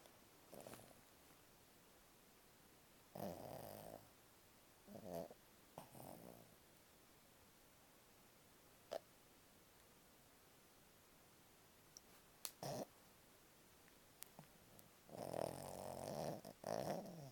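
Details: Irregular soft snorting breaths with small clicks and rustles, from a dog in deep sleep in bed, twitching while asleep; snoring.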